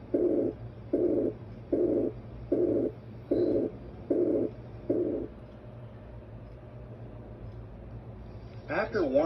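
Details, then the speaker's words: Abdominal bruit heard with firm stethoscope pressure over the aorta, renal, iliac or femoral arteries: rhythmic whooshing pulses at about 76 a minute, indicating turbulent arterial flow. "next auscultate for vascular sounds or brewies using firmer pressure listen over the aorta renal arteries iliac arteries and femoral arteries you should hear no vascular sounds if present a brewery sounds like this"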